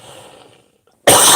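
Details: After a quiet stretch, one loud, harsh cough bursts out from a man who describes it as his regular asthmatic cough, not coronavirus; an asthmatic cough.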